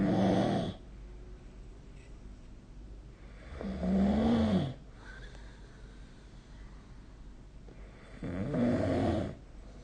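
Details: Snoring during sleep: three loud, rough snores about 4 seconds apart, roughly 14 per minute, with quiet pauses between.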